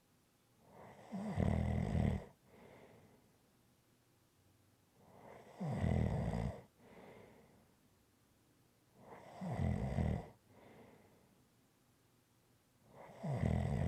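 Regular loud rattling snores on each in-breath with softer out-breaths, about four breaths in fourteen seconds, roughly 17 a minute.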